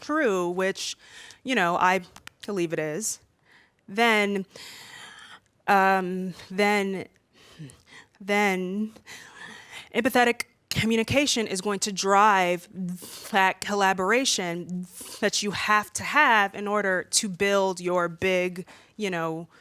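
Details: Stuttering with repetitions heard in a 32-year-old woman who has stuttered since about age three and stutters more when nervous in front of a room.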